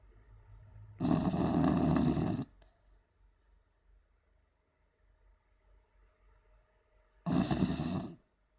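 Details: Beagle Leo snoring asleep with his tongue sticking out: two long, loud rattling snores with a quiet pause between them.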